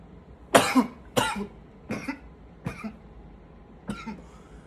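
Five harsh coughs in a run, each with a short second push, growing weaker toward the end. A tiring coughing fit.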